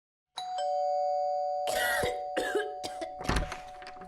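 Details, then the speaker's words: After a doorbell chime, an adult gives about four harsh, acted coughing bursts in a tuberculosis-awareness skit; the character calls it a normal cough with fever, not TB, and the skit frames persistent cough as a TB warning sign. "ये TB तो नहीं? TB नहीं normal खांसी बुखार है भैया।"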